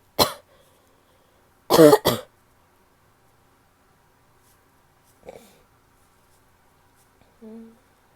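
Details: Female coughing: three sharp coughs, one single then a pair, followed by a softer throat-clearing sound and a brief low hum.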